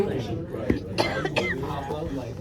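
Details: Several short forceful coughs among nearby talk in a Thai restaurant while eating; choking cough after spicy food went into the airway.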